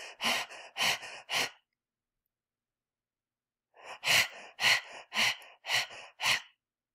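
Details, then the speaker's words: Imitated post-hyperventilation apnea, a breathing pattern of diffuse bilateral cerebral disease: rapid deep breaths, then about two seconds of silent apnea as low CO2 halts breathing, then fast breathing resumes. "Okay, you can hear that apnea when I stop breathing."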